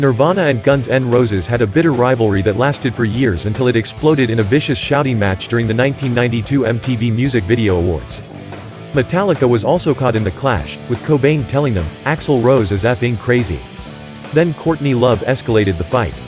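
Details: Adult male narrator over background music; ordinary speech.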